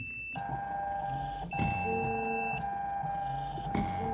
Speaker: At these levels, the peak pressure, the PIP, is now up near 50 centimeters of water, and that is an alarm setting that we have indicating that the pressure is approaching too high levels.